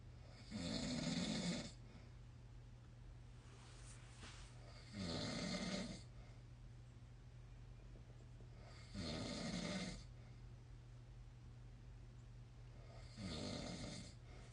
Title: Every night with his snoring !!! #marriagehumor #funny